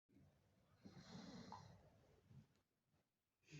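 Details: Pumpkin (איציק) snoring: low rattling breath noise with a hissing exhale in a quiet room.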